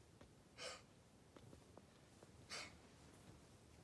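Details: A dog with kennel cough coughing during the night: two short, harsh, breathy coughing bursts in a quiet room.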